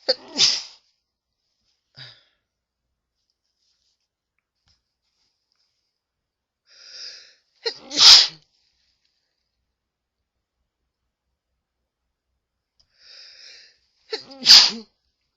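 Two sharp sneezes, each preceded by a short indrawn breath, muffled as if into a tissue, plus a smaller burst at the start.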